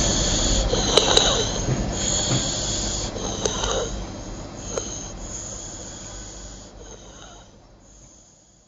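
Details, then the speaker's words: A 6-year-old boy with 2 months of stridor after dry cough, tachypnea and suprasternal and sternal retraction. Fast, harsh biphasic stridor from subglottic narrowing by laryngeal polyps and granulation tissue caused by a migrating foreign body. "At presentation, the patient had tachypnea, biphasic stridor, suprasternal and sternal retraction."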